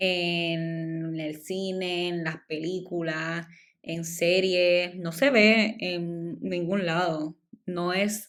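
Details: Adult woman speaking Spanish, stuttering since childhood; she says it shows less when recording alone and is stronger in Spanish than in English; stuttering.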